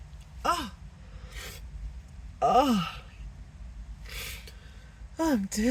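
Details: Acted sneezing fit, sneezer apologizing, saying nose tingling: repeated voiced gasps and sneeze-like bursts in close succession.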